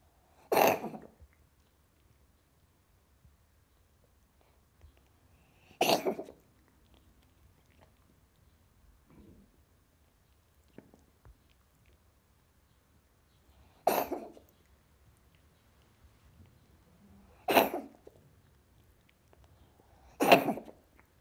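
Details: Cat coughing: five short, sharp, forceful cough bursts spaced several seconds apart in a quiet room.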